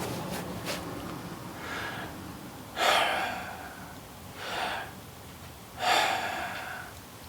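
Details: Normal breathing (chest breathing demonstration).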